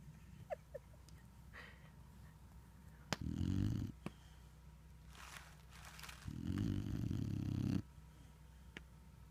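Two long, low rattling snores about three seconds apart over steady background noise, typical of snoring during sleep.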